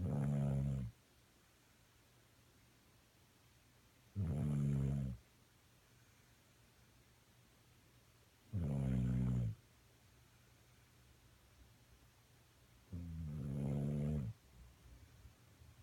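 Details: Sleeping dog snoring: slow, rumbling snores, about 14 a minute, with quiet pauses between them.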